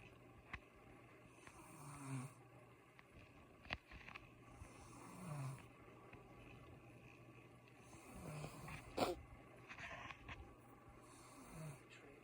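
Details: Adult woman (mother) asleep: soft, low snores recur every few seconds beneath a steady room hum, with faint clicks and rustles; light snoring.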